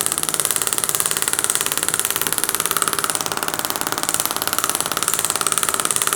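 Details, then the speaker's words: Radial shockwave (Storz MP100) on the muscles beside the tibia, not the bone, aiming for at least 1000 impulses, in a 23-year-old female runner with 4-month shin pain; steady rapid mechanical tapping about 180 pulses a minute. "so let's start with radial shockwave which we're going to look into so i won't be going on the bone but mainly working on the sides here of aiming for at least 1000"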